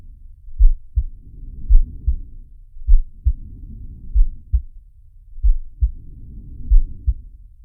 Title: Sharky's heartbeat and breathing sound